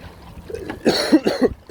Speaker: as you can hear I've got a bit of a cough I do apologize but I'm going to get this message out